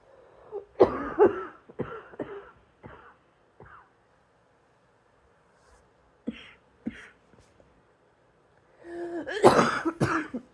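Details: Several short, harsh cough bursts in a quiet room, then a louder cluster of coughs with throat clearing near the end.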